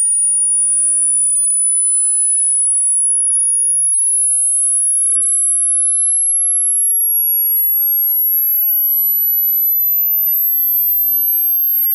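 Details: Hearing test sweep, a steady thin pure tone rising slowly into the very high range to check the upper limit of the listener's hearing.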